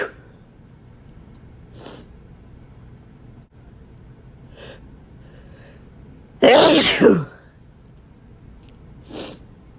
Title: Hitching Wet Male Sneezes